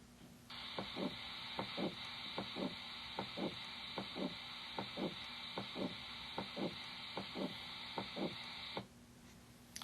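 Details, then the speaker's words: Teaching example of severe aortic stenosis: regular heartbeat near 75 a minute, harsh crescendo-decrescendo systolic murmur between S1 and S2, S2 almost absent; aortic stenosis murmur. "you could appreciate that the murmur was heard between s1 and s2 it has a crescendo decrescendo shape it gets a little bit louder and then softer and the s2 is almost absent as a result of the severe stenosis"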